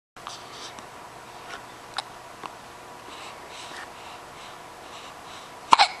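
Brief sharp catches of breath repeat every second or so over low room noise, ending in a louder one. Hiccups.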